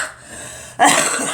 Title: Girl coughing